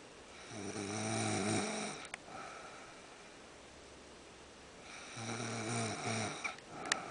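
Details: Snoring in the afternoon after a tiring morning: two loud, rattling, buzzy snores on the in-breath with a quiet pause between them; ordinary snoring.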